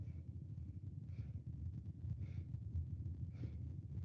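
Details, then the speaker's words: Soft, low breath sounds rise and fall under heavy stethoscope rumble, heard over the posterior chest (infrascapular and intercostal areas) as the patient breathes through a slightly open mouth: normal vesicular breath sounds. "En este caso, lo que escuché en el paciente es murmullo vesicular, que es completamente normal. Este murmullo vesicular se va a referir a lo que es el paso del aire,"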